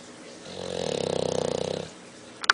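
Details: Loud snoring: one long rattling, fluttering snore on the in-breath, then quiet.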